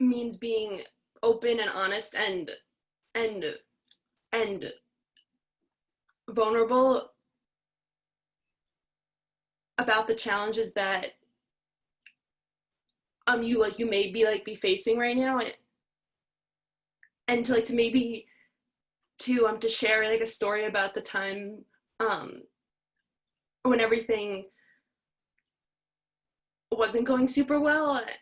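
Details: Young person who stutters, with word repetitions; stuttering.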